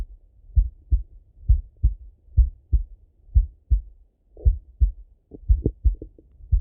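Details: Normal adult male heart sounds, self-recorded while sitting at a desk or lying in bed: steady paired low lub-dub thumps about 60 beats a minute, no extra sounds or murmurs.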